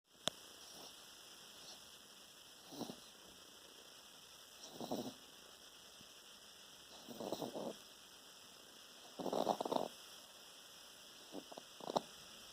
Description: Our 10 weeks old French Bulldog is a snoring lady 😀